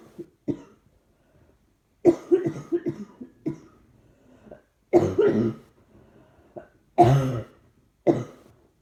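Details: Bouts of harsh, chesty adult coughs, about fifteen in quick runs with short pauses; trying not to cough seems to make it happen more; repeated coughing.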